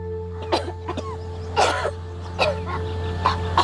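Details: Girl coughing in several short, harsh bursts with throat clearing over background music and hum; from a compilation of sneezing and coughing during sutra neti nasal cleansing and nasal swab tests; cough.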